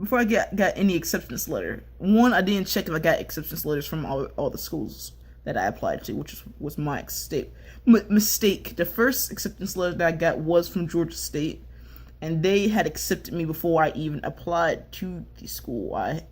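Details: Speaker who self-reports a little bit of a stutter; stuttering.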